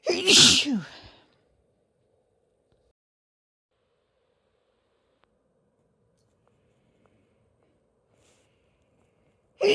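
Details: One loud explosive sneeze followed by near silence, with the start of another burst at the end; part of a short medley of sneezes and nose blows.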